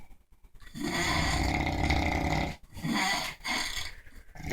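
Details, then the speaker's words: Two overweight men sound asleep: long, loud, harsh snoring breaths, one lasting nearly two seconds, then a shorter one, and the second man's snoring grows louder; heavy snoring. "oh that [ __ ] number two just got louder it's getting more aggressive he feels threatened"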